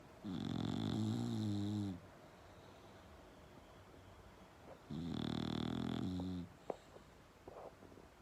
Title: Bulldog Snoring Loud